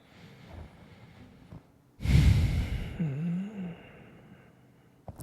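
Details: Quiet room noise, then a loud, forceful nasal snort followed by a short groaning sigh; snorting.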